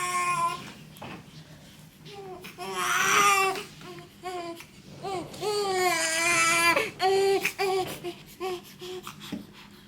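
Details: Newborn boy within his first 24 hours, being swaddled by his father in hospital: high-pitched crying in several bursts with short pauses and fussing, over soft background music; an ordinary newborn cry.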